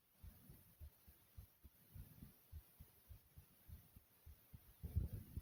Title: My Thumping Heartbeat Sound ❤❤